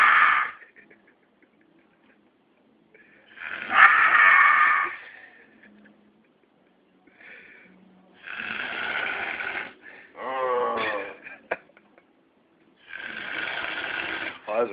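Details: Male heavy snoring after too much to drink on New Year's: very loud, harsh snores with rough fluttering rattle, long noisy breaths separated by quiet pauses.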